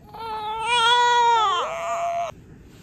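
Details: Single strong, clear wailing cry from a newborn girl just after birth at 38 weeks, mother evaluated for preeclampsia, after half an hour of pushing with repeated fetal heart-rate drops; rising then falling pitch, normal vigorous cry.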